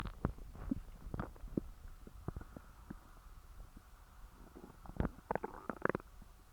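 Frequent gurgling, bubbling and popping abdominal noises, irregular and low-pitched; active stomach growling after a large meal.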